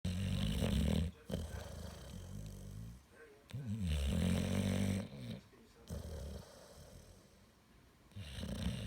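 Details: Deep, rumbling, fluttering snores repeating in regular breaths with quiet pauses between; a dog snoring in sleep, recorded 2016.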